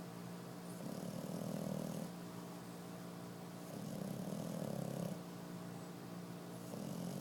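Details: Snoring at 5 months of age: slow, steady buzzing snores with each breath, about three in seven seconds, over a constant background hum.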